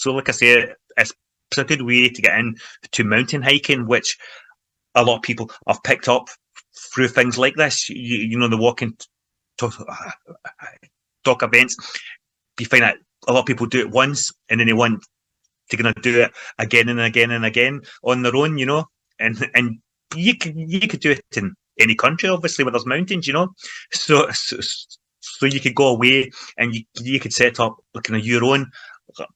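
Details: Man from Glasgow, Scotland, involved in stammering self-help groups for over 25 years, speaking in everyday conversation; stuttering (stammering).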